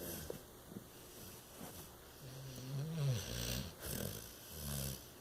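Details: Bulldog sleeping soundly on a chaise lounge, snoring.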